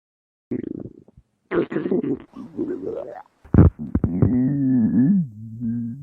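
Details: Hungry male's stomach growling (borborygmi).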